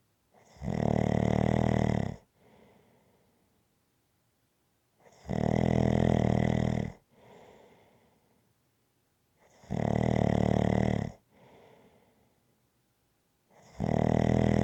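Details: Rhythmic heavy snoring: loud rumbling snores on each in-breath, each followed by a soft exhaled puff, about 13 breaths a minute.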